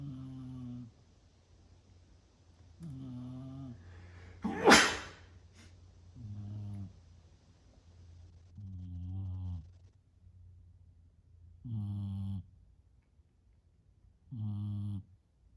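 Steady rhythmic snoring, about 21 snores a minute, interrupted by one loud sneeze, then snoring resumes unchanged.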